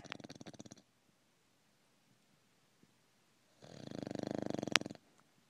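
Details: Deaf 16-year-old female dog that doesn't wake no matter what, snoring louder each night: two rattling, fluttering breaths separated by quiet, the second longer and louder; snoring during sleep.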